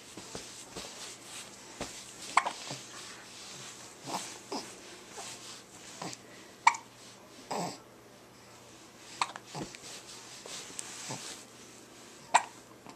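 Sharp, sudden gulping catches repeat at irregular intervals, about four strong ones in 13 seconds over quiet breathing and room noise. These are hiccups.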